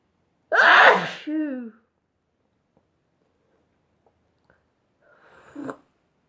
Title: A Chinkini Sneeze Fit